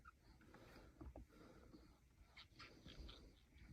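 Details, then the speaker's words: Soft animal-like sounds, such as panting or growling, over room noise, played as stimuli during a young girl's audiology hearing test; she points toward the side each sound comes from. "Ev: (pointing at two sides when making sounds with animals)"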